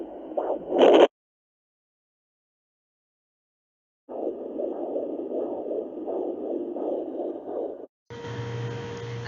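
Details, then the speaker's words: Mother's own heartbeat on a home handheld fetal Doppler at 12 weeks 5 days of pregnancy: rhythmic whooshing pulses, slower than the baby's heartbeat found nearer the middle of the abdomen. "Now I'll show you mine again so then you can hear the difference. And then this one's mine. Mine."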